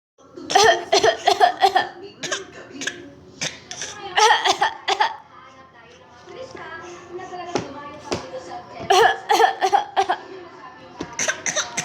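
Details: A 7-month-old infant makes runs of short, voiced cough-like bursts on purpose, a playful fake cough rather than illness.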